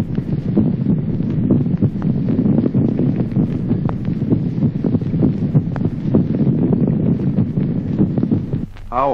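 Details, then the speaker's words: Secondary muffling of both heart sounds in pulmonary emphysema: faint, distant heartbeats buried under loud rushing breath noise, with added inspiratory bronchiectatic murmurs. "Ejemplo 23º. Apagamiento secundario de ambos ruidos cardíacos en el enfema pulmonar como signo agregado soplos inspiratorios bronquiectásicos."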